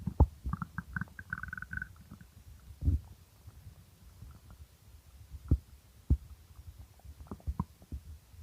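Irregular low gurgles and rumbles with some squeaky, bubbling runs; hunger stomach growling.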